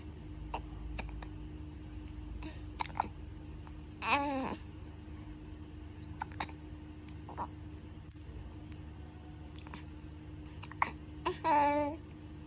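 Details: Six-week-old baby girl hiccupping for about 2 minutes after milk: brief, sharp catching sounds recurring irregularly, with two short vocal squeaks; infant hiccups.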